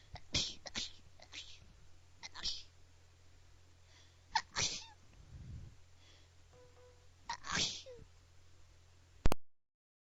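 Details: A person's run of small, soft, high-pitched sneezes in close clusters, like a bunny, over a steady low room hum; repeated sneezing.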